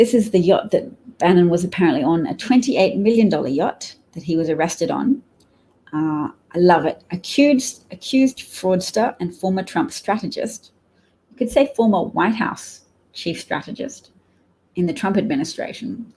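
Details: Adult man speaking; ordinary speech.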